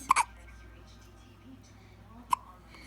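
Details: One-week-old infant with hiccups: two sharp, brief hiccup sounds about two seconds apart in a quiet room.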